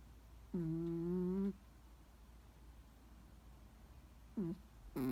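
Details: Small Chihuahua snoring loudly while deeply asleep: a tonal, hum-like snore on each in-breath, about one second long, repeating with quiet pauses between breaths.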